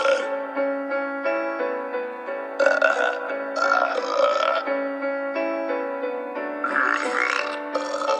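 Long, loud, drawn-out burps over music and applause from a cartoon soundtrack.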